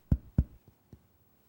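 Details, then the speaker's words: Two firm, low, hollow taps and then two fainter ones of anterior chest percussion, from a teaching video: a resonant note, the normal sound over the lungs. "the lungs percussion should produce resonance over the liver and heart percussion produces dullness over the stomach it causes timpani"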